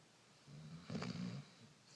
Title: Snoring Dog - June 21, 2013